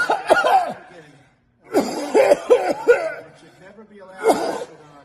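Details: Acted comedic cough, loud exaggerated coughing bursts mixed with laugh-like sounds over a speech, not a genuine cough.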